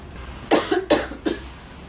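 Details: Girl coughing while talking, apologizing that her cough is bad: a quick run of three short coughs, each a harsh burst with a brief tail, in a room.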